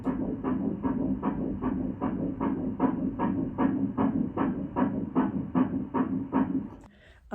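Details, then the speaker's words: Fetal heartbeat heard at an early-pregnancy appointment, described as super strong: rapid, regular whooshing pulses at about 150 beats a minute on ultrasound Doppler. "um that was super super exciting it super strong um it was really really exciting"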